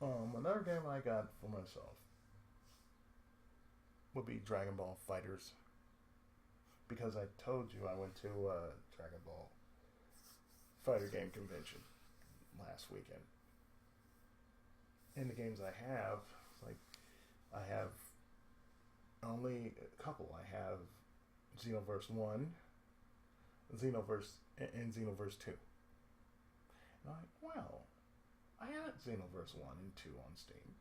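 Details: Adult male with lifelong cerebral palsy and speech difficulty since childhood: speech affected by cerebral palsy.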